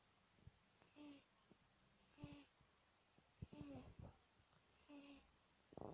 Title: My cat, snoring